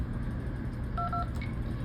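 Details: Two short electronic beeps from button presses on an SvO2 (Swan-Ganz catheter) monitor during calibration, over a steady low room hum. Finding: monitor key beeps.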